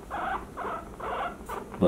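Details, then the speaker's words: Female guinea pig, about 800 g, with suspected traumatic chest injury, possibly in early pregnancy: short rising squeaks and whines during veterinary abdominal palpation for pregnancy, a pain response. "she's not very happy with it i can feel for thicker thicker lumps not the small fetus"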